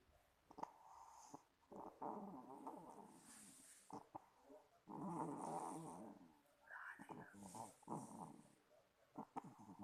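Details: Sleeping infant snoring: irregular rattling, snorting noises on the breath with a few short quiet gaps between them.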